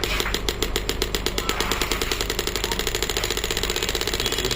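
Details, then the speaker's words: Pneumatic ballistic air-compression shockwave therapy (ESWT) machine, touch screen, up to 10 bar, with the handpiece firing after the start button is pressed; rapid, loud, regular mechanical knocking that speeds up slightly. "then you can press the start button and once you press the start button in the handle machine will the pneumatic effect will come machine will start"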